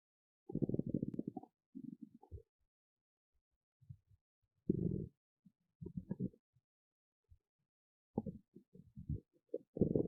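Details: Irregular low gurgling and rumbling bursts separated by quiet gaps: stomach growling (borborygmi) from gas and fluid moving through the gut.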